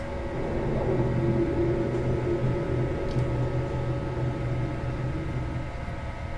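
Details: Steady mechanical droning with rhythmic low pulsing and humming tones; MRI/CT scan sound effect, not a confirmed real recording.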